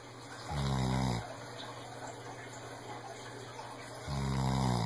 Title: Sam the senior rescued weimaraner snores!!